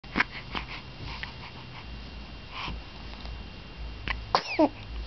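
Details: Quick cluster of sharp, sputtering sneezes from a small cat after soft sniffing noises; sneeze.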